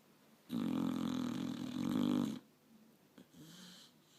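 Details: Five-year-old pit bull asleep in owner's lap, snoring and apparently dreaming: a long, loud, rattling breath lasting about two seconds, then quieter breathing.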